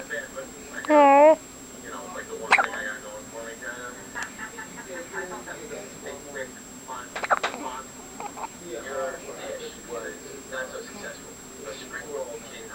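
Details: Hiccups that keep returning: two brief, sudden hiccup sounds several seconds apart, with a person talking softly throughout.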